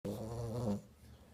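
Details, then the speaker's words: Small dog, Carlota, asleep on her owner's lap, snoring: one low, rattling snore on the in-breath, then a softer breath out. "está privada roncando a ver si escuchan como ronca"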